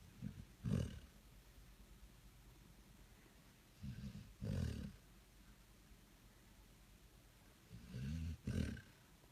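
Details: Female dog asleep on a person's lap on a couch, snoring on even when she opens her eyes: low, rattling snorts in paired bursts about every four seconds, roughly 15 breaths a minute.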